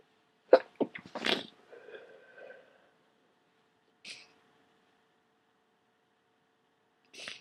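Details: Sneezing fit during a cold with a very wet, runny nose: a quick run of three wet, forceful sneezes with sniffling after, then two short sniffs.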